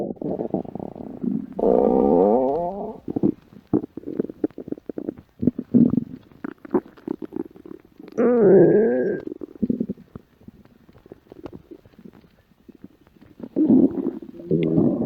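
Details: Gurgling, rumbling stomach growling (borborygmi) in irregular bursts with some squeaky tones, with background music.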